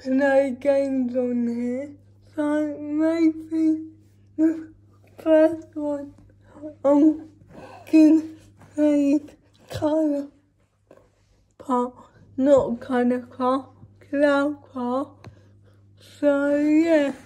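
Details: Woman with cerebral palsy speaking in a daily vlog; dysarthric speech in cerebral palsy.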